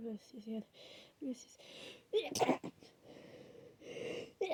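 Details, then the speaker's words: Someone with a head cold, runny itchy nose and sneezing all day: hitching in-breaths and soft voiced groans build up to a sharp wet sneeze burst, followed by sniffly breathing. "My nose is running so much right now. It's so itchy. Oh. Oh. I've been sneezing all day, and I don't know how many times I've sneezed now, but I don't think I'm done."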